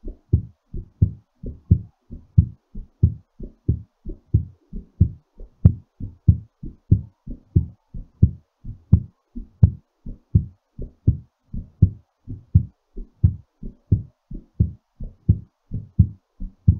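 Steady, strong lub-dub heartbeat at about 87 beats a minute while recovering after exercise. Normal rhythm.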